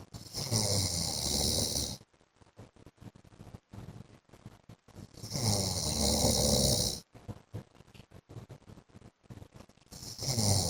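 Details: A wife records her husband snoring in his sleep: loud, rough snores lasting a couple of seconds each, with quiet snorting breaths in between.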